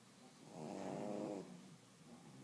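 A single low, rattling snore on a breath, with quieter breathing around it; snoring in a sleeping dog.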